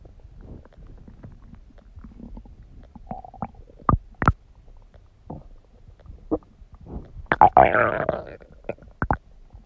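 Scattered low gurgles with several sharp bubbling pops and a brief squelching burst; ordinary stomach gurgling.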